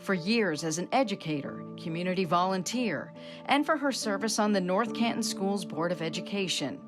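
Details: Adult news narrator; normal speech.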